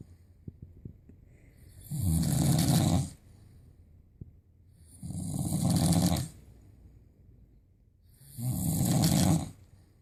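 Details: Owner's loud snoring that wakes a schnauzer: three loud, rattling snores on the in-breath, about 19 a minute, with quiet pauses between; regular loud snoring.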